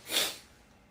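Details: K-pop performer announcing "I have to sneeze," then thanked for "bless you": a single short, hissy burst of air that fades quickly. One sneeze.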